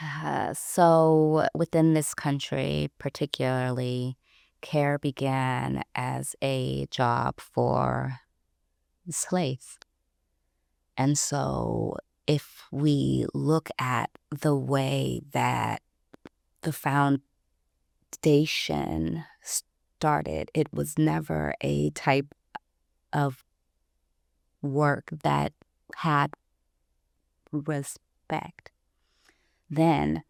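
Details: Stuttering in an adult woman who identifies herself as a person who stutters, with gaps between phrases.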